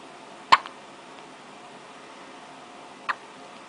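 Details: Two crisp, abrupt hiccups about two and a half seconds apart in a quiet room, from a baby girl; infant hiccups.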